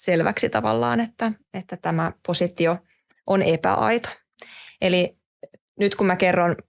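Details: Adult person who stutters, with blocks, pauses and word repetition heard; stuttering.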